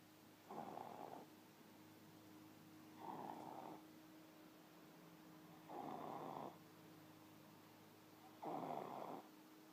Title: Toddler snoring